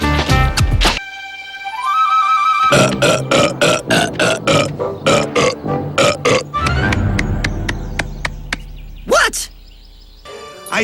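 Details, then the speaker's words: Simulated burping from an animated cartoon (American Dragon: Jake Long): a long run of rapid, loud burps over music. "oh yeah that one's been waiting to come out it was"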